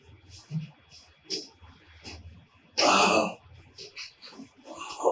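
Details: Loud harsh throat-clearing burst under a second amid quiet speech, as a man with back pain and L4-L5 disc bulge with sciatica describes his varma treatment, about 26 days in.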